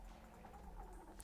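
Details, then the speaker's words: Adult radio guest's stomach growling from hunger during a live interview: a low, gurgling rumble with soft bubbling squishes, ordinary borborygmi. "Thaddée OK, ça c'est mon ventre qui gargouille parce que j'ai faim."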